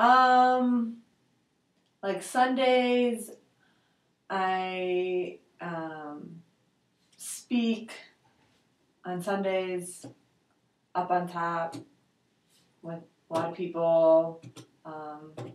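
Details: 72-year-old man with aphasia after a stroke in July 2003, with bilateral sensorineural hearing loss, answering questions in Western Aphasia Battery-Revised testing; word-finding and expression difficulties; aphasia.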